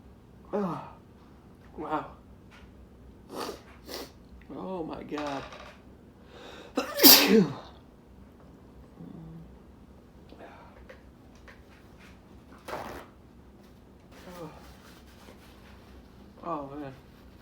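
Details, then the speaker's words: Man's repeated sneezes deliberately induced by sniffing a strong-smelling substance: forceful sneezes in quick succession, each a sharp explosive burst, loudest midway, with breathy gasps and voiced sounds between; eyes watering. "was that sneeze three already just trying to announce but i can't just so strong keep coming"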